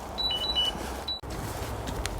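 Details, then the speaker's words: Glucose monitor worn by a man with type 1 diabetes during a 13-mile countryside walk. Sugar has dropped to 3.8, and the alarm comes with a delay. Three short high-pitched beeps over outdoor noise: low-glucose hypo alarm. "My sugar's dropped to 3.8. There goes the alarm."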